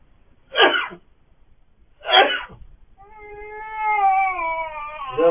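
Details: Two sharp, noisy sneezes from an adult father, then his 68-day-old infant startles into a rising, tearful cry; ordinary sneezes startling a baby.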